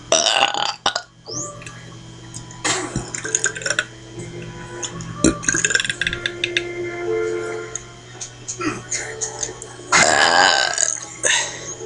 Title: Burping!